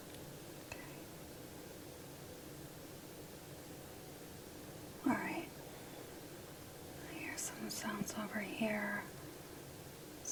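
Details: Active gurgling bowel sounds heard over the abdomen of an adult male during an abdominal exam: a quiet hiss, then a short soft burst and a run of bubbling, rising and falling gurgles.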